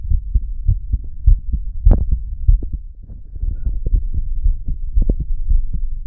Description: Nice relaxed heartbeat today 😀